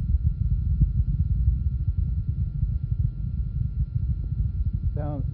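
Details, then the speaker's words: Heard over a pregnant woman's abdomen, low-frequency fetal heart sounds, muffled rapid thumping within a low rumble; normal fetal heart sounds. "over the abdomen again the rampant low frequency fetal heart sounds I heard"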